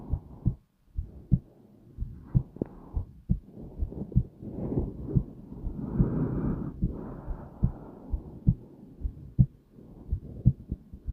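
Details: Slow, calm heartbeat: steady, unhurried soft low thumps at roughly 65 to 70 beats a minute.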